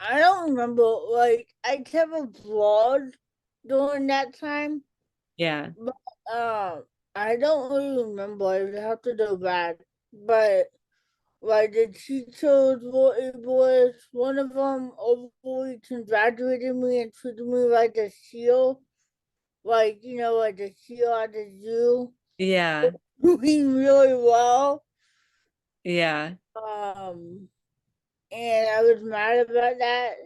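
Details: Dysarthria in an adult woman with cerebral palsy, an educator and author, who reports an early speech delay and says she talks differently.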